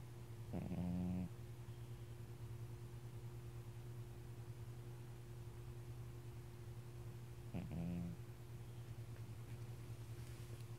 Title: snoring